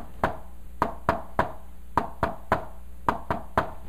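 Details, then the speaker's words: Tapped imitation of a left-sided third heart sound (S3 gallop) heard at the apex with the patient in left lateral decubitus position: a three-beat gallop rhythm, the extra filling sound of heart failure. "now here's the trick guys when you listen there's a left-sided s3 at the apex you place the patient on the left lateral decubitus position and you can hear this sound"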